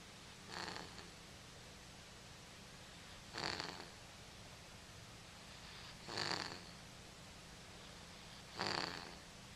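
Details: Four soft, whistling snores, roughly 24 breaths a minute, over low room hum, recorded on a Flip Video camera: a sleeping cat snoring, harmless.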